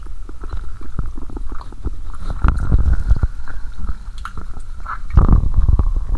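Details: Continuous low gurgling and rumbling with frequent bubbly pops and squelches, louder in bursts: active stomach and bowel sounds (borborygmi) after cola and swallowed Mentos.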